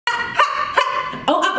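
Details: Woman with Tourette syndrome producing an animal-like vocal sound at the start of a spoken-word performance; vocal tic (Tourette syndrome).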